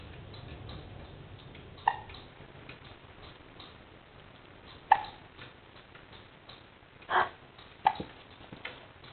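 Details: Soft, sharp hiccups at irregular intervals, about five in nine seconds, over low room noise; hiccups.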